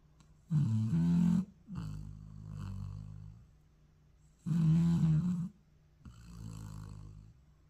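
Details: Dog snoring during an afternoon nap: rhythmic low snoring, a loud rattling snore on each in-breath and a softer sound on each out-breath, about 16 a minute.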